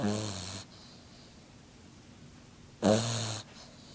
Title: Snoring puppy. Frengle.